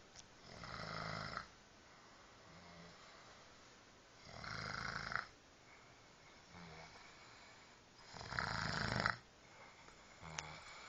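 Three rough, rattling snores on breathing in, about one every four seconds, with quiet breaths between. Snoring, roughly 15 breaths a minute.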